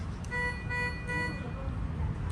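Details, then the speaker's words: Patient monitor (RVS 100) demonstration: alarm sounds when the sensor is removed, with an option to pause the alarm for about 30 seconds; steady electronic alarm tone with clear pitched beeping over room hum. "นี้เครื่องแจ้งเตือนในกรณีที่เราตอบเท้าออกนะคะตัวทุนตรงนี้ค่ะเป็นกรณีที่ต้องการจะโพสต์Alarmไว้ก่อนนะคะประมาณ30วินาทีนะคะ"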